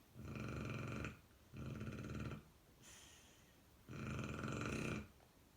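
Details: Sleeping bear coat Shar-Pei dog snoring: loud, buzzing snores with a softer breath between them.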